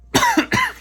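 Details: Lingering cough in an adult who is feeling better after an illness: two quick, harsh, somewhat phlegmy coughs.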